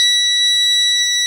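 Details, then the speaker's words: Gas supply failure alarm test on an MVM ventilator during pre-use setup: air source disconnected (oxygen set above 21%) triggers a steady, shrill, high-pitched gas failure and gas blender alarm, then reset; ventilator gas supply alarm. "have a gas blender alarm and we have our alarm for the gas failure put this back to 21 if that's where you were i've it's already expanded i'm now going to reset that alarm so that is the gas failure alarm test"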